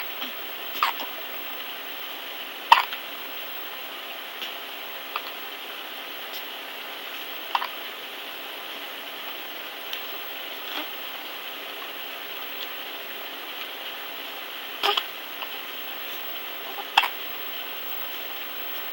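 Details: Twin sisters with sharp, brief hiccups, about seven in 19 seconds, at irregular intervals in a quiet room; ordinary hiccups.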